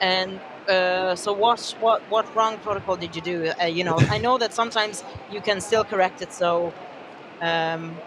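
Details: Adult speaker; normal voice.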